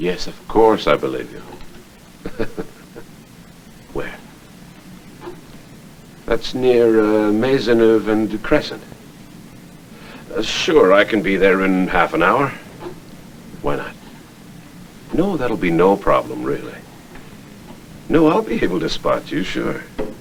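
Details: Adult man; normal speech.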